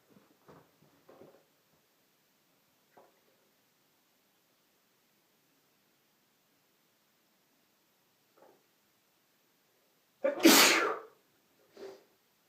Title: Violent Sneezes With Noseblowing (M)